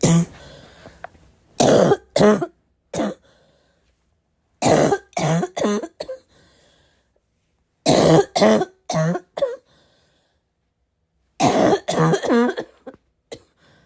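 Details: Four clusters of harsh barking coughs mixed with throat clearing, quiet pauses between; the person is unsure whether the heavy smoker-type cough is from vaping or from getting sick.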